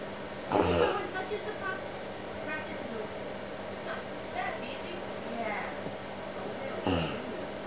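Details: A girl diagnosed with autism, with possible but undiagnosed Tourette's, repeatedly clears her throat; two forceful throat clears with soft vocal noises between them, recorded to show professionals: repetitive throat clearing.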